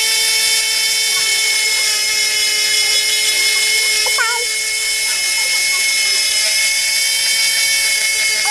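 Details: Cast saw cutting off a cast worn for a month: a steady, high-pitched whining buzz of the oscillating saw throughout as it cuts through the cast and its cotton padding.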